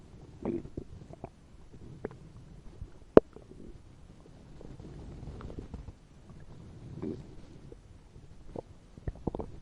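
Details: Fictional animated scene: the character Bumblebee's upset fuel tank gurgles while he lies in a field. Faint gurgles and low rumbles with scattered clicks and pops; stomach rumbling.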